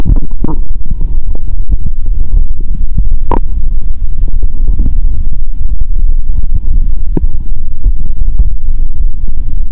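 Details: Self-recorded through her first stethoscope on the abdomen after fasting over 15 hours, while preparing a Coke and Mentos challenge; bowel sounds.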